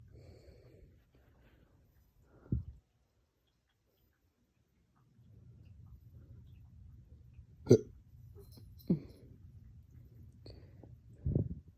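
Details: Four sharp, irregular throaty gulps with a burp-like quality in a quiet room: painful hiccup-burps that hurt the chest, starting after drinking water too fast following a walk; hiccups with belching.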